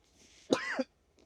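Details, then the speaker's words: Adult woman recovering from recent illness, with cough on speaking and losing her voice, gives a single short, rasping, voiced throat clear. "Excusez-moi, mais j'ai été malade et cette nou veut pas partir dès que je parle, je tousse à mort."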